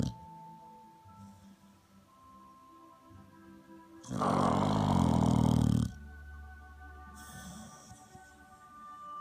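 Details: One loud, rough, rumbling snore lasting about two seconds from a pitbull, with music playing throughout; snoring.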